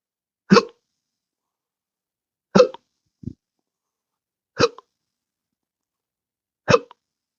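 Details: Intractable hiccups since December 2015, after surgery with nerve damage (pudendal nerve injection, phrenic and vagus nerve involvement): four sharp, abrupt hiccups about two seconds apart.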